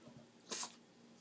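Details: Yorkie (small dog) sneezing very oddly: a single short, sharp, hissing sneeze in a quiet room.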